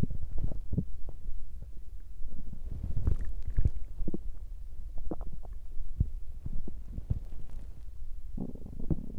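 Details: Stomach growling from a woman's belly, recorded while hungry, digesting and on her period: continuous low gurgling and rumbling with short bubbling pops.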